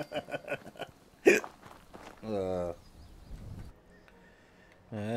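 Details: A single sharp, abrupt hiccup among brief voiced sounds and background video-game noise while gaming; hiccups.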